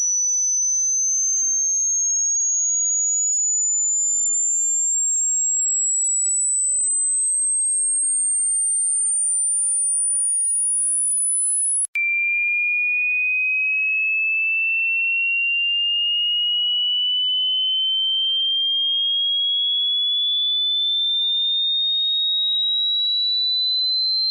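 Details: Steady high-pitched whistling tone that slowly rises, a simulated human tinnitus sound effect.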